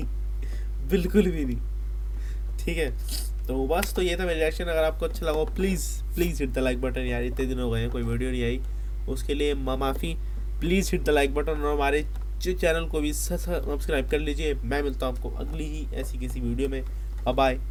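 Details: Stuttering in a male Hindi-speaking host who identifies himself as a person who stammers; sound repetitions are audible in his speech.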